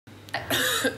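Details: A single harsh, voiced cough from an adult television news reader during a broadcast, starting with a short catch, then a louder rasping burst, over faint broadcast noise.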